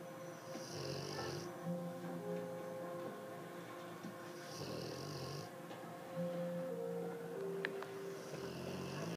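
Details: 9-month-old English Mastiff puppy sound asleep: rhythmic low rumbling snores with a whistling tone about every three to four seconds; snoring.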